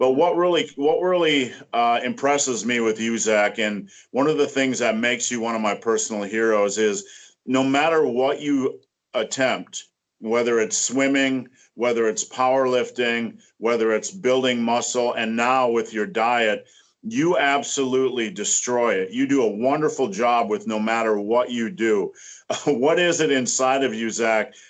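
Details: Adult man speaking; normal speech.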